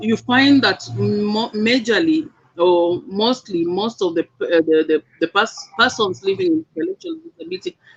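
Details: Speech of a man living with cerebral palsy.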